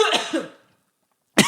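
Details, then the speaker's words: Adult coughs after smoking cannabis, a quick run of about three harsh, dry coughs, a pause of about a second, then another cough begins; attributed to the second inhale. Cough. "It's the second inhale that makes you cough."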